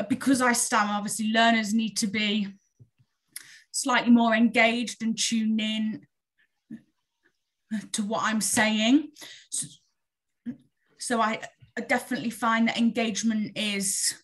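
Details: Real stammering in an adult woman who stammers openly; stammering.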